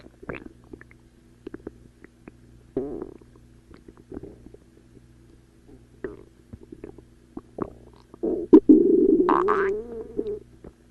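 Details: Ordinary stomach growling (borborygmi): scattered gurgles building to a long, loud growling rumble near the end.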